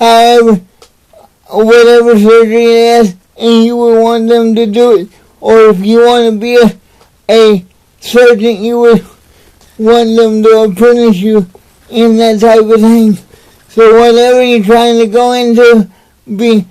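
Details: Dysarthria in an adult man with cerebral palsy, speaking to camera in a motivational talk.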